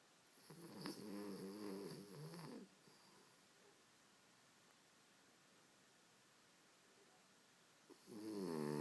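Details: Sleeping pet snoring, said to never stop: two rough, buzzing snores separated by several seconds of quiet.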